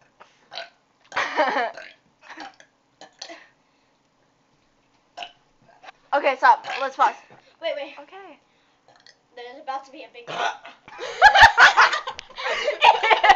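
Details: Woman burping after drinking soda: several voiced burps mixed with talking and laughter in a quiet room; ordinary belching.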